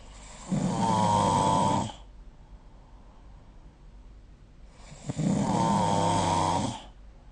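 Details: Two loud, buzzing snores on breathing in, about five seconds apart, with quiet breathing out between, recorded during sleep with the SnoreLab app; snoring.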